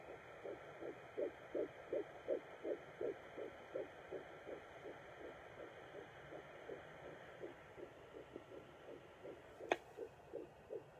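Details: Fetal heartbeat on Doppler at about 10–11 weeks of pregnancy, mother trying not to move: rapid, regular whooshing pulses about 160 a minute.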